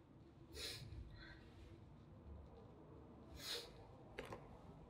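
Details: Adult with year-round allergies (spring and autumn pollen, house dust, cats): three short, hissy wet sneeze bursts in a quiet room, allergic sneezing.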